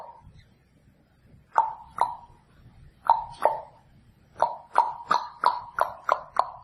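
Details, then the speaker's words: Korotkoff sounds during slow cuff deflation: sharp tapping beats, first heard only intermittently at 110, then every beat at 90, a pulsus paradoxus of 20, consistent with cardiac tamponade or possibly pulmonary embolism. "and then here you're deflating the cuff very slowly and here is what the noticing the corat cough sound so the first time I hear it is"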